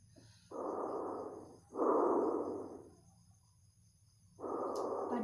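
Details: Tracheal breath sound heard by stethoscope over the windpipe during a student's practical respiratory exam, patient breathing through the mouth: loud, harsh, hollow, high-pitched breaths with inhalation and exhalation of similar length.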